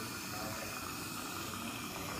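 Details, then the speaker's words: Steady airy hiss of low-volume dental suction running through a Dry Field isolation device placed in a patient's mouth to isolate the teeth after cleaning. "t now we're going to put the dry Field in so this is connected up to the low volume suction and little adjustments here and here okay"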